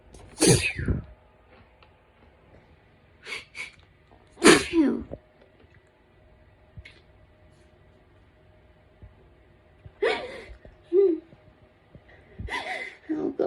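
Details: Intense autumn hay fever: a run of forceful sneezes, each a sharp explosive burst, some with a quick intake before, separated by quiet breathing, with a hoarse, painful throat; repeated sneezing.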